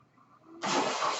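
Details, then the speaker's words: Adult man's home mechanical ventilator heard while he speaks: near-quiet room, then an abrupt, steady rush of airflow hiss as a breath is delivered; mechanical ventilator sound. "That noise you're hearing is my ventilator."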